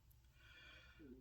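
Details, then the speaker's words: Stomach growling heard while the person is very hungry and has not eaten, and says the body no longer signals hunger until dizzy and nauseous: low rumbling growl ending in a brief rising gurgle; borborygmi. "so I mean you can hear my stomach growling right now um however I don't get trig my my body doesn't trigger when I'm hungry until I'm so [ __ ] hungry I'm dizzy and nauseous"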